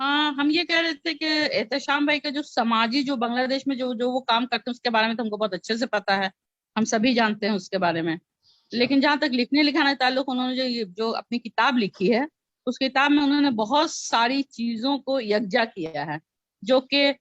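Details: Adult woman speaking Urdu; ordinary speech.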